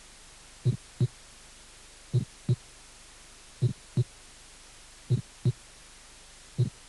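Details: Aortic ejection click (systolic), a teaching recording from a cardiac auscultation course, presented just before a pulmonary systolic click.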